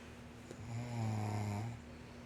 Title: Snoring. And the winner 🏆 is ..